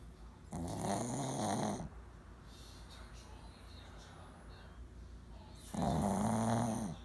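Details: Female Shih Tzu born December 2009, asleep: two loud, rough, rattling snores on the in-breath separated by a quiet pause; ordinary snoring in a small dog.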